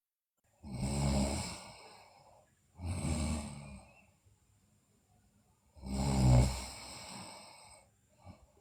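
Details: Sleeping girl snoring: three long, low, rattling snoring breaths in about eight seconds; snoring during sleep.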